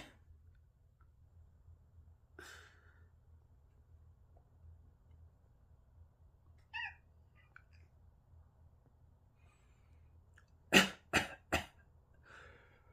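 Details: Three sharp human coughs close together near the end, with a cat's meows and cries earlier, as the cat cries when a person coughs, in a quiet room.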